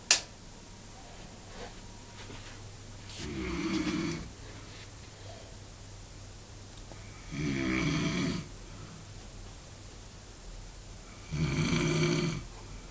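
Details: A man snoring during sleep at a stag do: three loud, rattling inhaled snores about four seconds apart, roughly 15 breaths a minute, with quiet breathing between.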